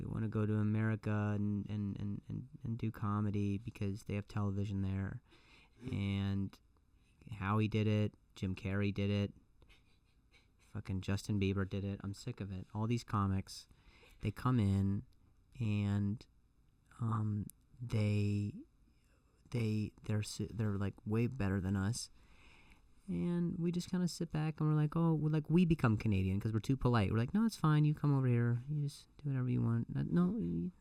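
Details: Adult male comedian who stutters, saying the stutter has gotten a lot better over the years, speaking conversationally with audible repetitions; stuttering.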